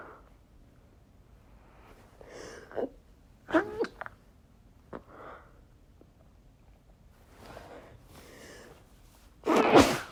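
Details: Several muffled, held-back chhinkni sneeze bursts, then one loud unstifled sneeze at the end; deliberate attempt to stifle sneezes, a few slipping out.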